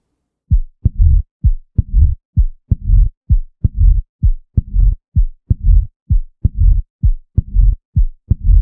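Regular heartbeat about 65 a minute, with a low rumbling murmur building late in each pause before the next beat: the diastolic rumble of mitral stenosis.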